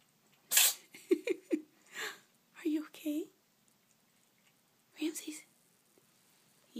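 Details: A pet cat gives a sharp, hissing sneeze followed by a few small snorting bursts, then a person speaks softly in a quiet room; cat sneezing.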